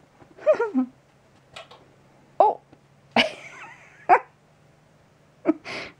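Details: Squirrel eating oats in a horse barn, about 3 feet away: several brief, sharp little bursts with faint squeaks, heard as sneezing, though it might be a cough.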